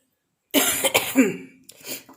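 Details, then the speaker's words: Adult home cook with fever and cough, preparing Kerala fish curry, coughs when the chili smell reaches the nose: after brief silence, two or three harsh, forceful coughs with a short trailing cough; acute cough. "നല്ല പനിയുണ്ട് കേട്ടോ, പനിയും ചുമയാണ് ഇപ്പം. അതുകൊണ്ട് മുളകിൻ്റെ മണം മൂക്കിലോട്ട് ചെന്നപ്പോൾ നന്നായിട്ട് ചുമയ്ക്കുന്നു."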